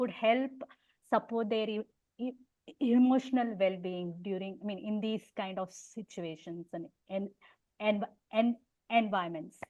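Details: Adult female artist who stammers and has unilateral hearing impairment, real; stuttering.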